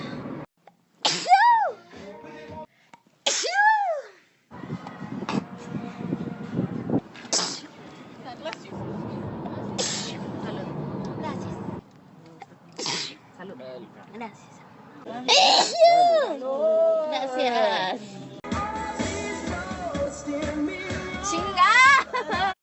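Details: A sneezing compilation of one person, sped back to normal speed: a series of sharp sneezes, several with a high rising lead-in, separated by cuts, with music underneath.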